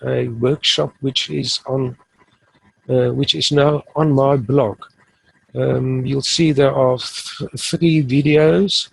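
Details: Adult male who has stuttered since age 3 or 4, now fairly fluent using the passive airflow technique, so stuttering may be mild or absent here; stuttering.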